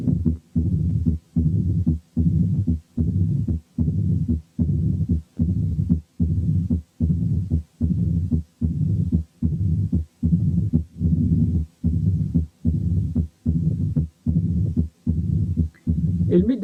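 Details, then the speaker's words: Mitral stenosis at the apex: regular heart cycles with a low-pitched rumbling mid-diastolic murmur. "لاحظوا ان الميد دايستوليك ميرمر دائما of low pitch، وعشان كده بيسموها رامبلينج، يعني كده درررر."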